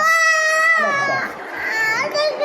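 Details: Baby boy having a blood test: loud, high-pitched sustained infant wail breaking into sobbing; a pain cry during the blood draw.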